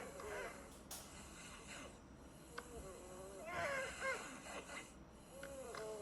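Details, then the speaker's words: Snoring with sleep bruxism in a 7-year-old boy with obstructive sleep apnea and underdeveloped maxillae: effortful breathing during sleep, mouth open, and teeth grinding. "Olha como olha o tipo, né, do esforço que ele tinha que fazer, né, para poder respirar enquanto dormia, tá? Junto com isso, né, ele dormia com a boca aberta, claro, né? Olha aí, tá? E olha o bruxismo que ele tinha."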